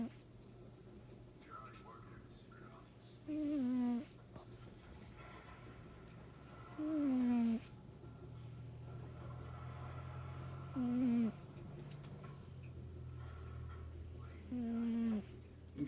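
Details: Cat snoring: four slow, regular, whistling breath sounds about every four seconds, roughly 16 a minute, over quiet room hum.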